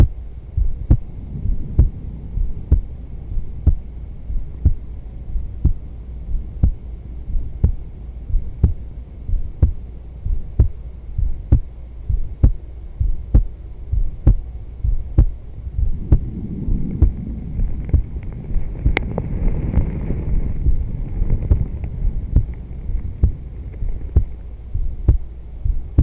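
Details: Adult woman's heartbeat recorded during yoga; steady, regular thumps at about 65 beats a minute, with faint rustling and a low background hum. Normal heartbeat.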